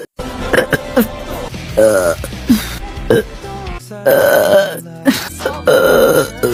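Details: Hiccup burps: a rapid series of short, voiced belches with hiccup-like jerks, under steady background music.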